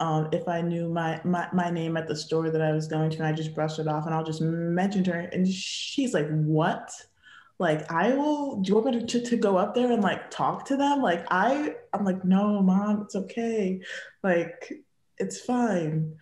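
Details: Young woman who has stuttered since childhood; stuttering.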